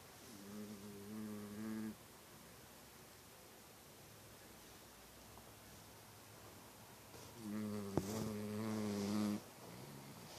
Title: Mouse snores!